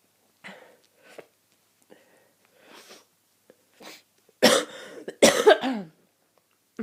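Soft sniffs and small breathy bursts, then two loud harsh coughs: coughing with a head cold.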